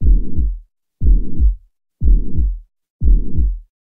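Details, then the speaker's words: Mitral regurgitation at about 60 beats a minute: a long, low, hollow blowing systolic murmur with each beat, loudest at the mitral area. "mitral area you kind of hear this hollow systolic murmur"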